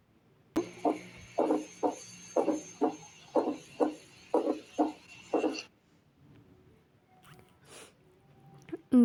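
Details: Heart auscultation with stethoscope bell, played as a teaching sample: regular heart sounds near 60 a minute with an extra soft sound just before the first; fourth heart sound (S4 gallop).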